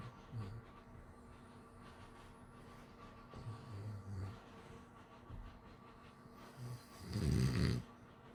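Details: Pit bull–Labrador mix snoring while asleep: low, rumbling snorts in uneven bursts, the last one longest and loudest, over faint steady room hum.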